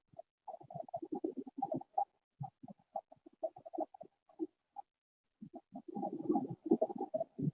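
Clusters of brief, bubbling popping sounds during inspiration, with a quiet gap between breaths and almost nothing heard on expiration: moist inspiratory crackles.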